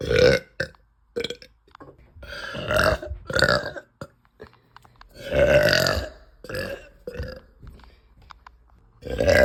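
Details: Woman belching after eating pasta, feeling bloated and gassy, saying "help" and "ow": about seven loud, drawn-out burps in close succession with short pauses; repeated uncontrollable nauseous burping.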